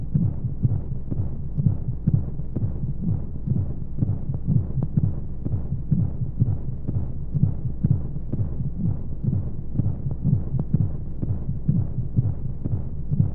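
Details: Womb-sound sleep aid for babies: muffled, steady low whooshing heartbeat thumps at about 60 a minute over a constant rushing white-noise hum, as heard inside the womb; heartbeat.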